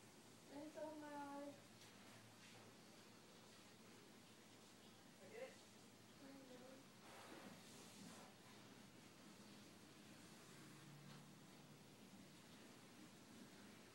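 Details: Sleeping man: brief, wordless voiced mumbles over steady room hiss, typical of sleep talking.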